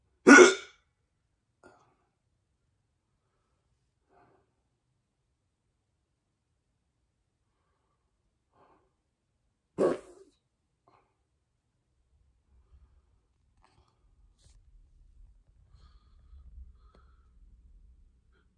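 Two abrupt, sharp hiccup sounds about nine seconds apart in a quiet room; hiccups.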